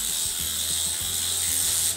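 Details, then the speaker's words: Arm liposuction (arm contouring) under local anesthesia in a female patient using a small vibrating, power-assisted suction cannula: harsh mechanical rattling hum with a loud suction hiss as the cannula runs. "this is the vibrating suction which i use and look at how small it is really it's not that big"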